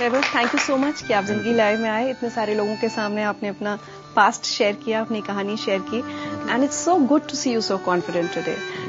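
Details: Adult woman speaking; normal fluent speech.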